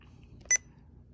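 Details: Single brief, sharp electronic beep as OK is pressed while programming an IV pump for a non-weight-based epinephrine infusion (4 mg in 250 ml normal saline) started at 1 mcg/min, volume 250 ml, in a training demonstration: keypress confirmation.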